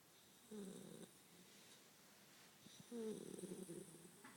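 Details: Snoring in a sleeping Labrador puppy: two soft, rattling snores a few seconds apart in a quiet room, each a low fluttering noise on a breath.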